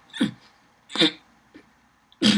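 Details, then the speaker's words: Three or four abrupt, brief throaty hiccup- or grunt-like bursts from a person with Tourette syndrome since first grade; simple vocal tics. "Basically the beginning stages of Tourette's to show is the blinking of the eyes, the sounds I just made, that, and twitching of the fingers."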